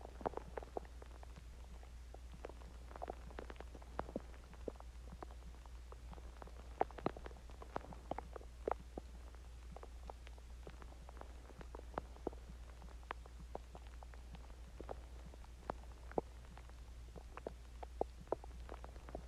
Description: This is my stomach growling after I ate chinese food and I drinked water and I managed to record my stomach longer but I will try doing 1hour of stomach sounds and heartbeat sounds.